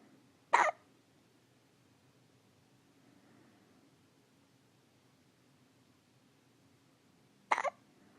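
Two brief, sharp hiccup sounds about seven seconds apart in a quiet room.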